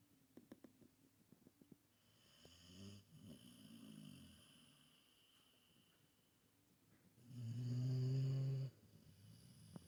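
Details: Snoring: two slow, low, rumbling breaths, the second loud and rattling, with faint clicks before.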